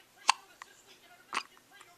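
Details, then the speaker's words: Two short, sharp hiccup sounds about a second apart from a 4-week-old infant at 6 a.m., quiet room noise between: ordinary infant hiccups. "You got the hickle ups. You don't like the hiccups, do you?"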